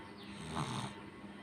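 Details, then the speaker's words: Young boy with a bad cold, worsening since the previous day, mouth-breathing and getting nebulizer treatment: snuffly, rattling, snore-like breathing through a congested nose, unable to breathe properly. "দেখতে পাচ্ছ কালকে update দিয়েছিলাম যে সোনার খুব ঠান্ডা লেগেছে। দেখতে পাচ্ছ নাকের কেমন আওয়াজ, ঠিক করে নিঃশ্বাস নিতে পারছে না।"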